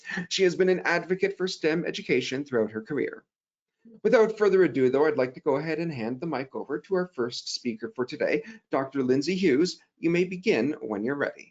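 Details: Adult speaker; normal voice.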